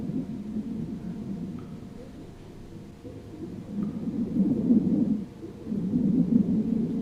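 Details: Stethoscope on the back of a simulated patient in virtual reality: soft, low whooshing breath sounds with no wheeze or crackles; normal breath sounds.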